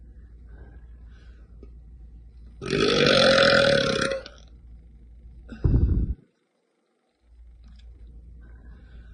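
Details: Female belching: a long rumbling burp of about 1.5 seconds, then a shorter second burp, in a quiet room.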